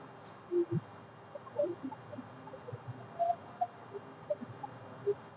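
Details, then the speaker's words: Normal bowel sounds heard by stethoscope over the right abdomen during clockwise quadrant auscultation, expected 7–35 per minute: brief, irregular gurgles and soft squeaks. "Boy sound जो है 7 to 35 sound पर minutes आएगा। अगर नहीं आता है तो तीन से 4 मिनट 5 मिनट ब्रीड करना है। जैसे इसमें आ रहा है।"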